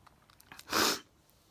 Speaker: i was just about to turn the lights off to go to bed started sneezing i quickly grabbed my phone yeah i think i missed about 20 seconds or something